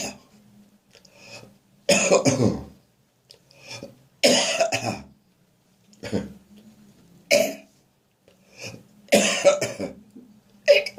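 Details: Adult with a winter cold coughing in the morning: about five harsh, throaty, sometimes painful coughs with gagging sounds, with background traffic noise.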